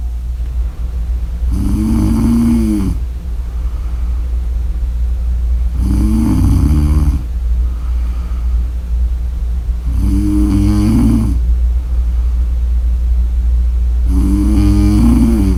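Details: Four loud, rattling snores about every four seconds, roughly 15 breaths a minute, over a steady low hum: snoring during sleep.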